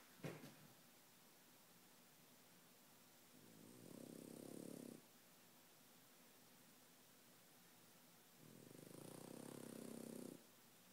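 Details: Snoring French Bulldog keeping the owner awake: two low, rattling snores about five seconds apart, each lasting over a second, in a quiet room.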